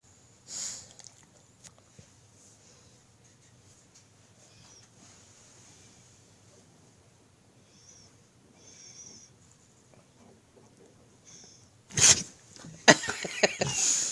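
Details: Dog sneezing after beating up a pillow: quiet sniffing and snorting, then near the end a loud sudden burst with rapid snorts.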